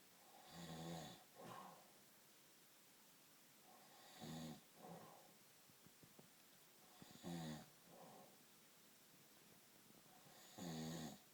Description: This is my dad snoring he is the loudest snorer in the north east